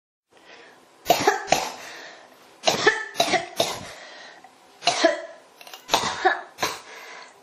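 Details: Persistent cough: an adult coughs in repeated paired bursts, about eight coughs in seven seconds, with little pause between them.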